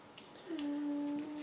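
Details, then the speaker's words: A female pet in deep sleep in her bed snoring: a soft, steady whistling note on the outgoing breath in a quiet room. "hear that little snore that's muffin she's over there in her bed and my filming this video puts her in a deep sleep"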